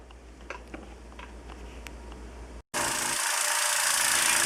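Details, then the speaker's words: Small portable suction machine (compressor with vacuum gauge, rear on/off switch) used for endotracheal suctioning setup; clicks and handling, then steady loud hiss and motor hum as it starts running. "is a small little portable suction device and here we have our suction tube coming in it goes to the machine the compressor and here is the gauge reading what our vacuum is there and on the back is the on and off switch"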